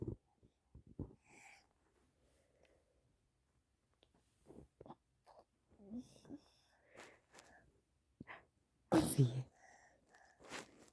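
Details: Just after waking in the morning: a quiet room with soft snuffles, then one sharp, loud sneeze near the end; a single ordinary sneeze.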